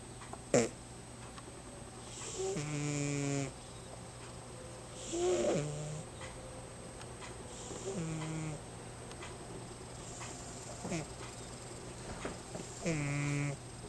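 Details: Snoring in Pippina, a cat: slow, regular snoring with a fluttering, buzzing quality on each breath, about 24 a minute, over a steady room hum.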